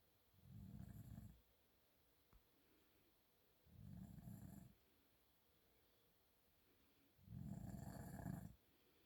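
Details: A father asleep and snoring: three low rumbling snores on breathing in, about 20 breaths a minute, with quiet pauses between. Snoring.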